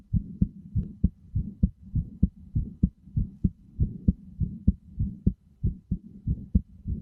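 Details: Steady, regular lub-dub heartbeat at about 100 beats a minute over a soft low hum; heartbeat sounds played as a sleep aid, with headphones recommended.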